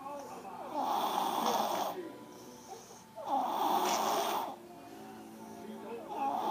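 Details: Baby snoring while asleep on a couch: slow, rough, rumbling breaths, about two to three a minute across repeating cycles.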